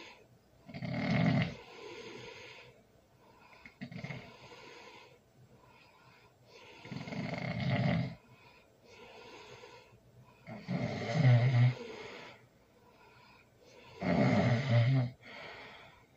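Loud, rattling snores on each breath, about 17 a minute, with quieter breaths between; heavy snoring during sleep.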